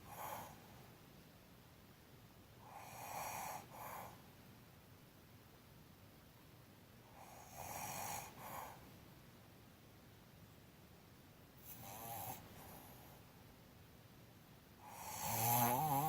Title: Snoring with Mouth Open